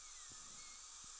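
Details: Steady high-pitched whine of a high-speed dental drill cutting composite inside the temporary abutment cylinder of an upper all-on-4 implant prosthesis, about 2–3 mm deep, reaching the Teflon, under 8x magnification; dental drill.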